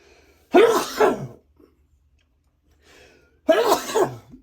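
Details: Adult in the morning, their body still clearing congestion: two loud, harsh coughs, each a double burst, separated by a pause with a faint breath.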